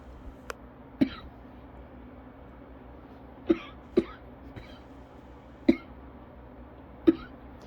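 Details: Person during a cough variant asthma attack: five short, sharp, dry coughs in irregular bursts over several seconds against quiet room noise.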